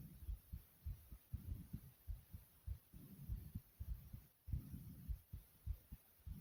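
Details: Heart racing with heavy breathing after doing jumping jacks: quick, muffled low thumps, roughly 100 a minute, with hiss and breathing noise; fast heartbeat after exercise.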